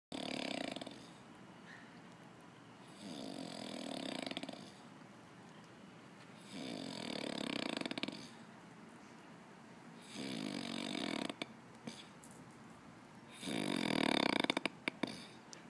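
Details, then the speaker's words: Ordinary snoring from a man sleeping after a long day of training, with others laughing at him: five loud, rattling inhaled snores, about one every three seconds, with quiet between them. "and that my friends is the snore of a one star ambassador"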